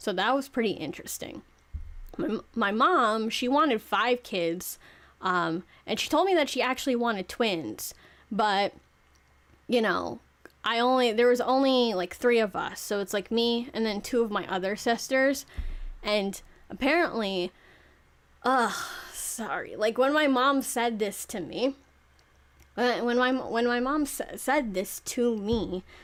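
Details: 26-year-old woman who self-reports clear stuttering issues that make it hard to talk properly; stuttering.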